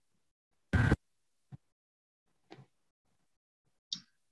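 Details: Simple vocal tic (shout) in Tourette syndrome/tic disorder: a sudden loud, noisy shout-like burst, then quiet clicks and another voiced burst.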